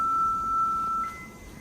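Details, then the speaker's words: A steady electronic tone from a Philips MRX defibrillator charging in an operating-room demonstration, shifting briefly higher before it fades. "You're going to put the gel on the patient's chest. You're going to take the paddles out. You're going to have someone charge the machine for you."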